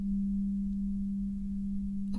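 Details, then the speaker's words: A steady, pure low hum from a struck tuning fork held behind the ear while the listener reports when the sound stops. This is a simulated role-play hearing test in a cranial nerve exam: tuning fork vibration. "what I'm going to do is I will create a vibration sound and I'll put it behind your ear I need you to tell me when you don't hear this sound anymore"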